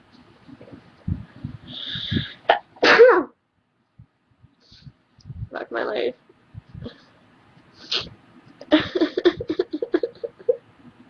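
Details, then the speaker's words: Woman who says she is sick, with headache and sore nose, gives several sharp sneezes, each with a quick indrawn breath, with talk and laughter between them. "air sneeze again. Yeah, I'm going to die."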